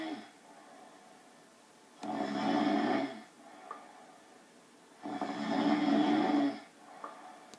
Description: Pet Gorilla Snoring - how does anybody get any sleep!!